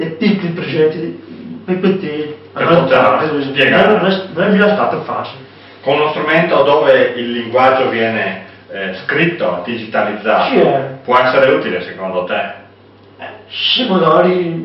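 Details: Adult male speaker, Italian; ordinary speech.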